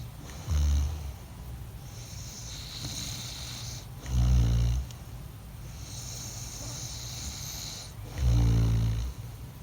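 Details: Adult man's heavy snoring during sleep at night: three deep, loud, rumbling snores about four seconds apart, roughly 15 per minute, over steady room hiss.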